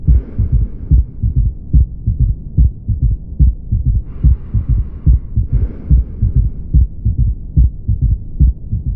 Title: 3ed heart sound